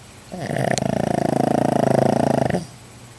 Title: Oscar the pug snores.